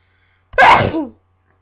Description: Just a few sneezes I caught